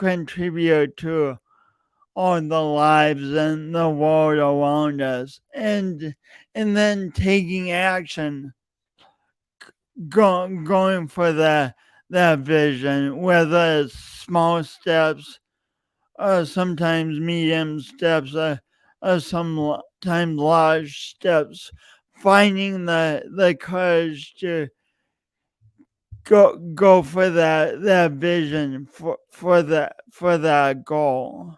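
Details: Real, self-reported speech impediment in an adult male since junior high and high school, still present and heard whenever he speaks; stuttering with word and part-word repetitions.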